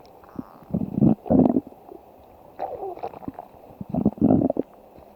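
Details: Low, rolling gurgles and rumbles in several bursts from a woman's stomach, described as hungry; stomach growling (borborygmi).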